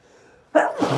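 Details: Adult male's sneezing fit after using a substance he says burns: a short quiet breath in, then one forceful, explosive sneeze.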